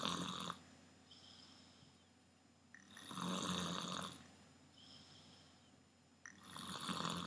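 Regular harsh, rasping snores on each breath in, about 19 breaths a minute, with quieter breathing out between them.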